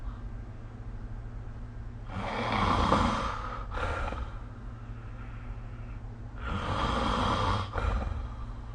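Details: Snoring during sleep recorded with the SnoreLab app, two rough, rattling breaths about four seconds apart, roughly 14 a minute, over a steady low room hum.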